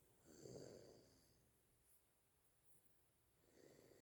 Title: snore like a grown person